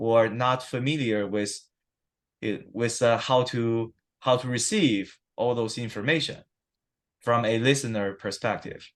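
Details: Adult man who stutters, recorded at a check-in after 7-8 weeks of stuttering therapy that did not use physical strategies or stuttering control; he reports sometimes having severe stuttering in conversations. Stuttering.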